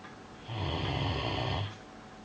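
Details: Snoozing on his bed, May 2013: one loud, low, fluttering snore on an in-breath lasting just over a second; snoring during sleep.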